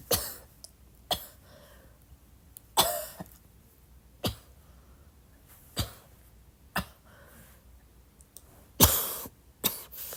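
About nine short, soft, dry coughs spaced through a quiet room, some like throat clearing.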